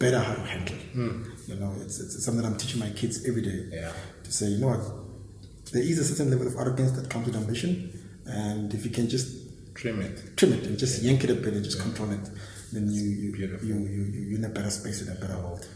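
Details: Stuttering in an adult man with word repetitions heard; he says he stammers and speaks very fast, sometimes missing words; stuttering.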